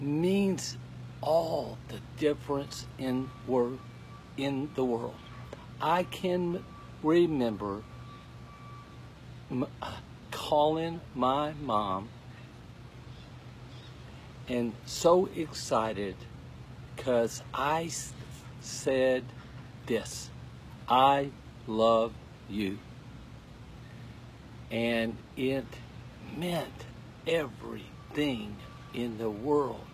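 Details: Adult male with aphasia who finds, orders and produces each word with great effort: aphasia.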